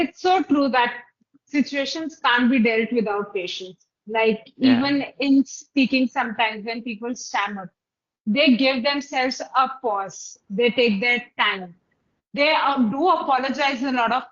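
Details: Adult woman speaking; typical speech.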